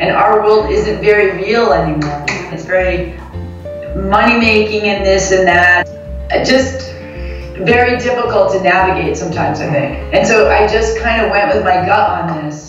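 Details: Adult woman; typical speech.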